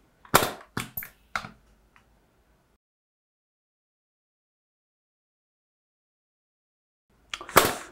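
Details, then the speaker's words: An AIR JET II needle-free air-pressure injector fires during a face lift, finishing below the ear behind the mandible angle; the right side took 75 shots. Four rapid sharp pops, a pause, then another burst. "조금 더 쏘고 마무리 하겠습니다. 자, 여기를 이제 쏘고 마무리를 할게요."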